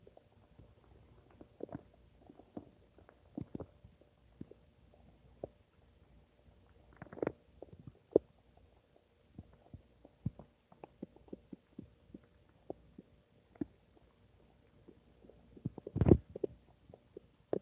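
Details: Stomach rumbling (borborygmi) recorded from own belly in a quiet room: scattered gurgles, clicks and short rumbles from gas and fluid moving.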